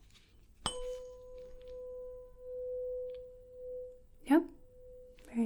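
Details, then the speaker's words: In a simulated ASMR physical-exam roleplay, a 512 Hz tuning fork is struck for a hearing test with eyes closed. It rings a steady, high, pure tone that slowly fades, followed by brief soft-spoken praise. "this is a 512 hertz tuning fork it's got a high pitch to it just like that it might be a little difficult to hear but do the best that you can"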